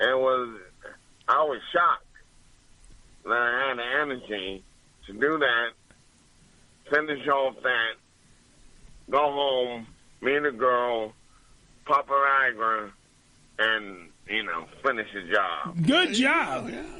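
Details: Adult man with two strokes, speech affected and treated by a speech pathologist with word repetition, about two years before returning to the stage: post-stroke dysarthria (mild).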